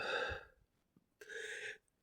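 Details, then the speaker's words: Adult with 5–6 days of sudden burning chest pain and painful cough causing vomiting several times daily, no flu symptoms; two short, harsh, voiced bursts, no rattle or wetness: dry, hacking cough. "It developed suddenly fast without any flu uh uh symptoms first only this burning pain uh pain in the lungs in the in the in the in the chest and very weird host uh cough."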